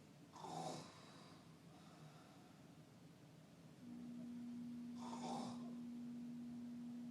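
Two rough, rattling breaths about four seconds apart against quiet room noise, with a steady hum in the latter half: snoring.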